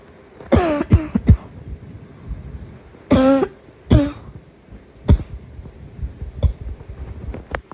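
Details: Short coughing fit of about six or seven harsh, partly voiced coughs in clusters, set off by a wheeze.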